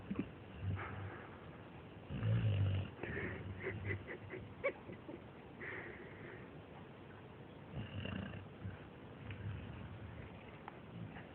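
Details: American Staffordshire terrier (amstaff) dog asleep: low, rough rattling breathing sounds, a few louder bursts among quieter noisy stretches; dog snoring.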